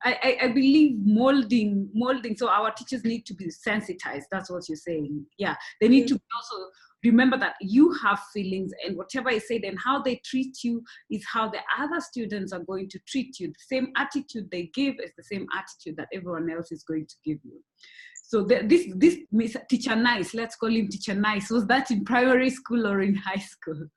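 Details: Adult speaker (interview host); typical speech.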